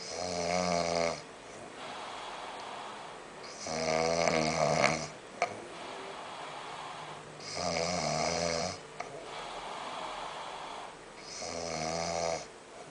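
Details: A friend asleep and snoring, who wakes at just a whisper: loud, rattling snores on each in-breath, about four breaths over thirteen seconds, with quieter exhalations between.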